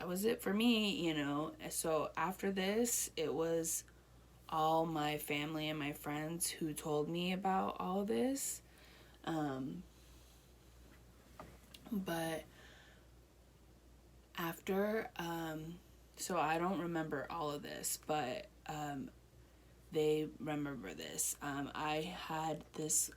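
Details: Adult woman with Broca's aphasia one year after a stroke; reading and writing also impaired.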